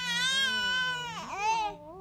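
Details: A baby's loud, high-pitched cry rises, wavers, then drops into a softer whimper; ordinary infant crying.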